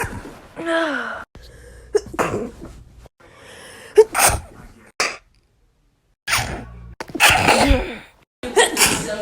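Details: Sneezing compilation: separate sneezes, each a sharp in-breath then explosive burst, with gasps between; ordinary sneezing.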